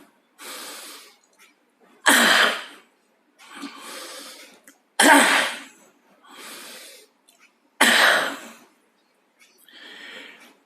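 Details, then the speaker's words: Three cycles of a long, deep, noisy in-breath followed by one hard, forceful cough: a demonstration of deliberate cough CPR, advised for a suspected heart attack with chest pressure spreading to the left arm and breathlessness. "maka usah Pertama kita yang bisa kita lakukan adalah melakukan Tarik nafas se maksimal mungkin kemudian baik melakukan batuk sekeras mungkin Contohnya seperti ini"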